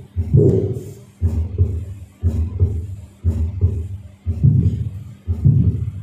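Regular heart cycles near 60 a minute, each with a mid-systolic click and a late systolic murmur from mitral valve prolapse.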